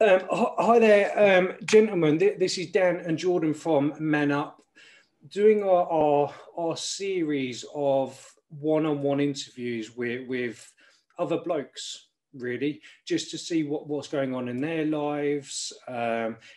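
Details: Adult male speaker; normal speech.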